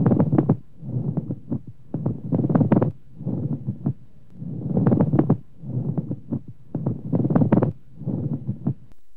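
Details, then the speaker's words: Pleural friction rub of dry pleurisy: loud, superficial creaking and grating like new leather, sounding very close to the ear and heard in both inspiration and expiration. "Listen to the pleural rub, which has a rubbing or creaking quality like the creaking sound of new leather and is of loud intensity and superficial nature, sounding very close to the ear."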